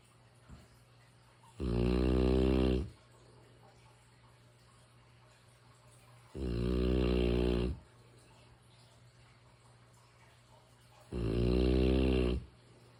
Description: I can’t sleep without my mastiff snores. It’s such a beautiful sound. I consider it to be white noise.